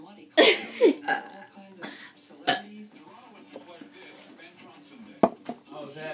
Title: Burping challenge interrupted